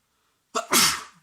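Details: Adult male with a cold, at home: a single sharp, explosive wet sneeze with a brief in-breath before it and a hissing burst of air, one of repeated sneezing fits.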